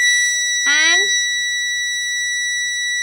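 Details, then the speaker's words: Steady high-pitched electronic alarm with a brief rising chirp: MVM ventilator gas supply failure alarm, triggered during alarm testing by disconnecting the air source. "this is the gas failure alarm and simply disconnect the source"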